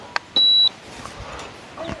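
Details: Single short high-pitched beep from an FTW01 infrared ear/forehead thermometer signalling a completed temperature reading, with faint room noise.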